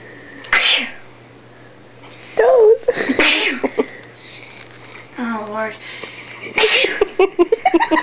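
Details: Sneezing fit: three sharp, explosive sneezes, with laughter and talk in between; sneezing.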